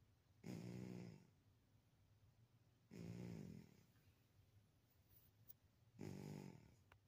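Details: Sleeping Maine Coon cat snoring: three soft, regular, purring-like snore breaths, about 23 a minute, in a quiet room.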